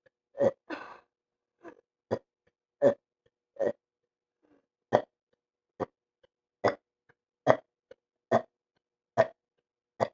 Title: He just wont stop burping its awsome